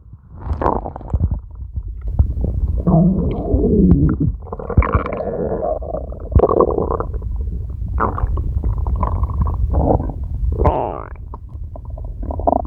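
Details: Ella's stomach growling: long, loud gurgling and rumbling from the abdomen, rising and falling in pitch; ordinary borborygmi.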